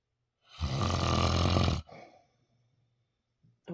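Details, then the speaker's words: Adult man snoring very loudly at night, growing even louder; he denies snoring and his partner reports sleep deprivation from it. "folks papa bear so he doesn't slower he snores very loud and actually it gets even louder"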